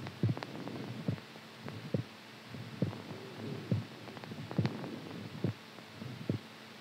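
Regular low thumping heartbeat at about 70 beats a minute with a soft hum behind it; a normal rhythm.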